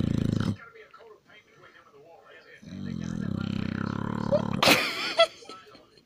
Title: My pitbull baby snoring away